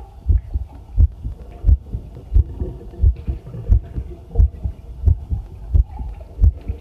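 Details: Own normal heartbeat recorded with a new field stethoscope microphone on its first trial while doing housework; regular low thumping at about 88 beats a minute, with running tap water and tableware clinking behind.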